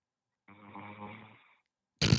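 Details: Single low, rattling snore lasting about a second from a man who fell asleep on a livestream call from Japan around 4 a.m., then harsh line noise; ordinary snoring.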